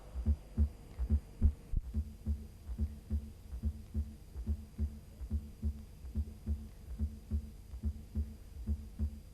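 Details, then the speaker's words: Heart auscultation teaching: regular low heart sounds about 71 a minute with a soft extra sound just before the first sound, from atrial contraction; fourth heart sound (S4, atrial gallop). "jatung empat berasal dari kontraksi Atrium"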